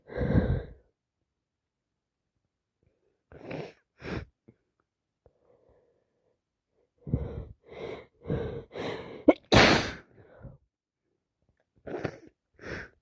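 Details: Person with a common cold, congested, sneezing and sniffing while blowing their nose: several wet, explosive sneezes among quick sniffs and breaths, with silent gaps.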